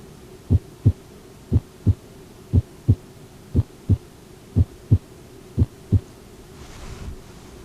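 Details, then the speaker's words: Nurse auscultating an adult female patient's chest with a stethoscope during a head-to-toe assessment before discharge to rehab: regular lub-dub heart sounds at about 60 beats a minute, clear paired beats, no added sounds; normal heart sounds. "good your heart sound sound nice and regular"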